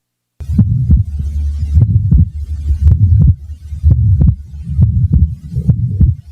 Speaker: the following example demonstrates a widely fixed Split Second sound this was taken from a patient with an atrial septal defect concentrate only on the second sound and try to ignore the murmur which precedes it